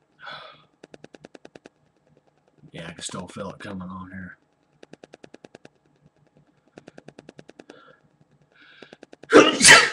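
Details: Adult man sneezing excessively, 12–13 times in a row, as he says happens 10–15 times every time: two sneezes, each followed by short bursts of rapid stuttering breaths in a quiet room; part of a sneezing fit.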